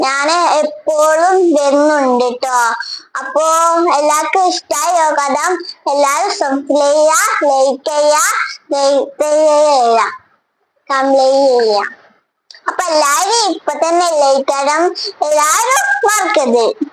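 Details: Young girl born without hearing, given a cochlear implant at one and a half years, still in speech therapy, recently began speaking in sentences and telling stories; speech of a child with a cochlear implant for congenital hearing loss.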